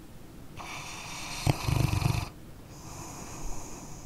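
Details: Sleeping dog snoring: a single rough low rattling snore with a brief snort over faint steady background hiss; ordinary snoring.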